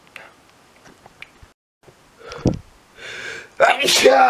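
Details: Heavy, loud sneeze: quiet breathy sounds and a sharp intake, then a forceful explosive burst.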